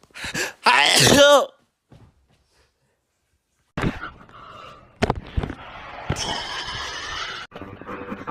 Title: 169 duodecillion sneeze